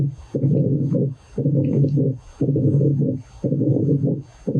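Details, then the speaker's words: Diastolic murmur in a teaching demonstration: heart sounds at about 58 beats a minute, B1 then B2, followed by a long low rumbling murmur after the second sound. "vamos ver como que é um sopro diastólico você tem B1 B2 e depois O sopro vamos lá"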